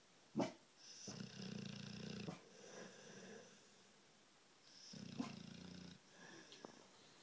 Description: My full bred bluenose snoring